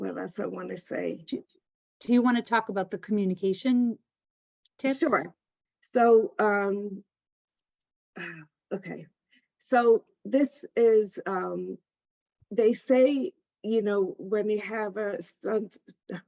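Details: Aphasia in an adult female stroke survivor attending an aphasia center.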